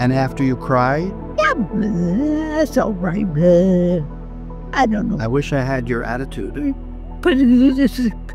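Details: Adult speaker; ordinary speech.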